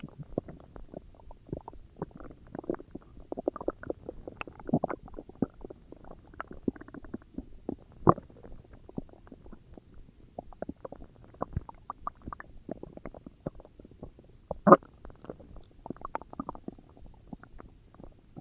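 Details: Stomach growling (borborygmi): soft, irregular gurgles and pops throughout, normal gut activity sounds.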